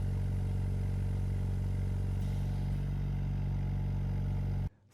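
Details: Oxymed Cure 5LPM oxygen concentrator running with voice prompts muted: steady low mechanical hum, no voice announcements, ending abruptly.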